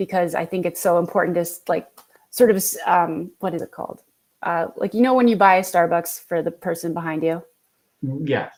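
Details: Adult woman with aphasia and word-finding difficulty, about 10 years after an intraoperative stroke at age 24 during resection of a stage 3 left frontal lobe tumor (found after a nocturnal seizure), which left right-sided paralysis.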